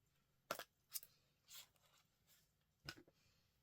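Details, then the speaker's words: A cat sneezes four times, quiet, short, sharp bursts heard faintly against soft room noise. "that's a cat sneezing if you can hear that funny aren't they"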